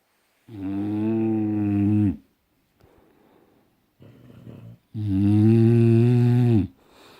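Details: Long, loud, deep droning snores with quieter breaths between them; snoring.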